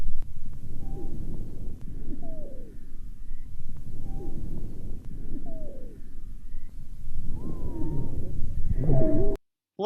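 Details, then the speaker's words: Lung auscultation with a stethoscope: repeated breaths with short, high whistling squeaks, high-pitched dry wheezes (sibilant rhonchi) from narrowed small airways, as in bronchial asthma, bronchospasm and bronchiolitis. "давайте послушаем как звучат дискант о вы и хрипы"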